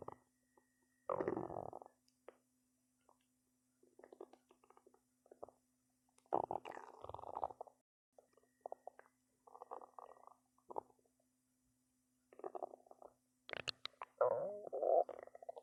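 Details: Repeated gurgling, rumbling stomach growls come in bursts with short quiet gaps as the belly growls a lot; ordinary bowel sounds (borborygmi).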